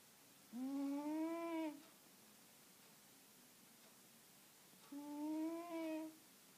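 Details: Siamese cat snoring loudly: two long, tonal, whistling-groaning sounds about four seconds apart, each over a second long, with quiet between.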